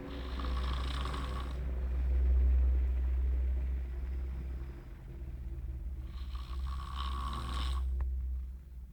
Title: Snoring master